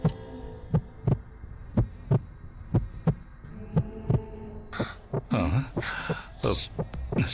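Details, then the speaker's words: Dramatized, simulated fetal heartbeat in a Tamil TV drama scene, which the doctor calls unusually loud, like thunder: deep, loud thumping beats at about 58 a minute, then louder pounding with noise. "என் பணியில், ஒரு குழந்தையின் இதயத்துடிப்பு இவ்வளவு சத்தமாக இருப்பதை நான் கேட்டதில்லை."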